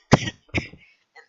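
Two short, loose coughs in quick succession, with a faint breath after.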